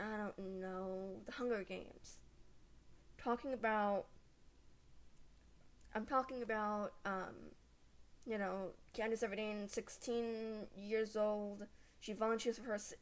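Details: Stuttering with blocks in a female vlogger who has stuttered since age 3.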